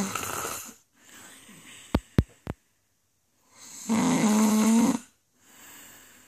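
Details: Snoring in an adult woman during sleep: loud rattling snore on the in-breath with a buzzing, fluttering tone, between softer breaths and a few brief clicks.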